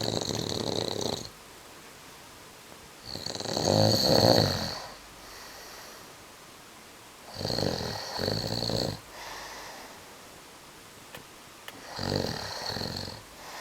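Repeated rough, rattling breath noises about every four seconds, roughly 14 a minute, with quiet gaps between: snoring.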